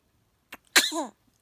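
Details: Person sneezing: a brief intake, then one sharp, explosive sneeze trailing into a short voiced tail, with "Elhamdülillah" said before and after.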